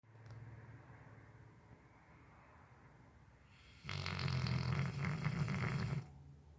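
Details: Sleeping Cane Corso (Italian Mastiff) dog: low rumbling breath noise, then a loud harsh snoring stretch for about two seconds; snoring.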